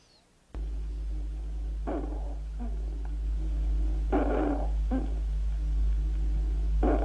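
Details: Rhonchi.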